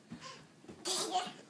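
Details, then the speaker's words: A baby deliberately pretending to sneeze: a short, hissing sneeze-like burst after a soft intake in a quiet room; a faked sneeze. "this is the fake sneeze baby she's doing it perfect though"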